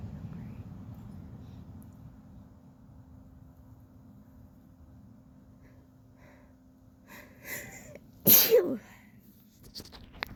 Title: sneezy sunny day haha #sneeze #sneezes #achoo #sniffles #shorts #australia #cold #blessme #bushlife